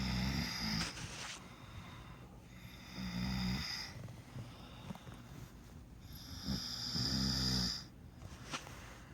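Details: Adult Puerto Rican man from New York, a former roommate who denied snoring, snoring asleep in bed: regular loud, rattling snores on each inhalation about 4 seconds apart, roughly 15 breaths/min, with quieter exhalations.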